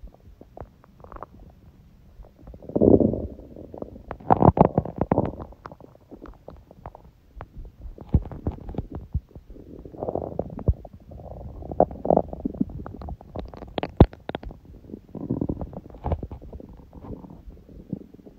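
Repeated gurgles, squelches and low rumbling growls come in irregular bursts. These are normal hunger bowel sounds.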